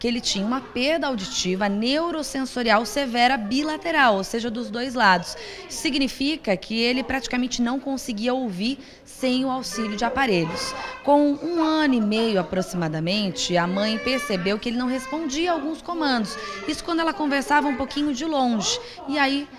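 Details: Adult female narrator; Normal adult speech.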